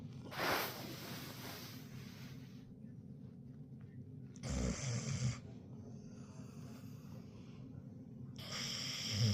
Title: #pittbull #snoring